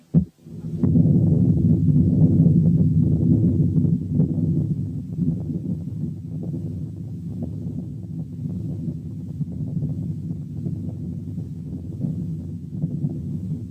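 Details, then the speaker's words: Venous hum heard over the neck: continuous low humming roar without pauses, a continuous murmur abolished by pressing the root of the neck with one finger. "سبب تاني للcontinuous murmurs هو الفينوس هام اللي بتتسمع على الرقبة. هنسمع مثال."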